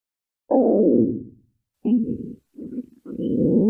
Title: Mom schoolboy runaway cute stomach growl beach